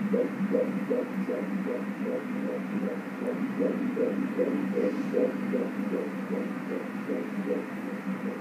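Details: Fetal heartbeat on Doppler at 18 weeks 6 days of pregnancy, baby girl: fast, steady whooshing pulses at about 146 per minute over a low hum, a normal fetal heart rate.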